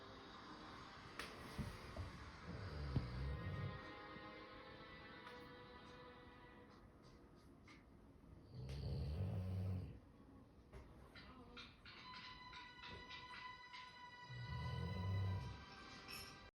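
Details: Person snoring while asleep during a film: three low rumbling snores about six seconds apart, about 10 a minute, over soundtrack music and dialogue in the background.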